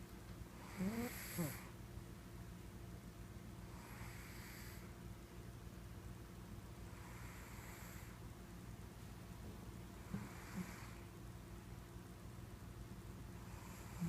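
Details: Sleeping cat snoring: soft, airy snoring breaths about every three seconds, near 20 a minute, over a steady low background hum; snoring.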